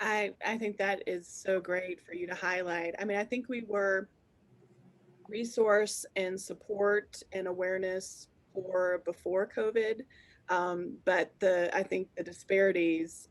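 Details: Adult woman speaking; normal speech.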